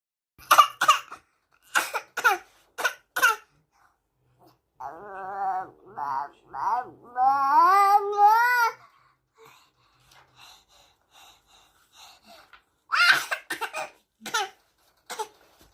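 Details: 7-month-old baby boy pretend coughing: a string of short, dry, deliberate voluntary coughs with babbling between, then laughs.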